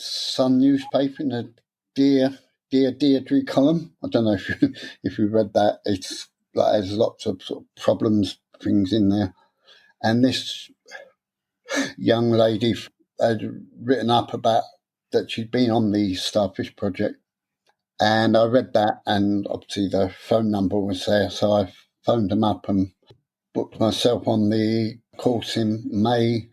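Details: Adult man with stuttering since childhood; after a three-day therapy course he still gets stuck on some words.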